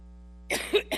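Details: Adult woman with a severe coughing fit while speaking at a public event: two short, harsh cough bursts after a steady electrical hum.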